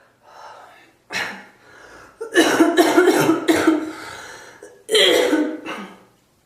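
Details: Coughing fit in a bathroom: a run of repeated harsh coughs with breaths between, echoing in a small hard-walled room.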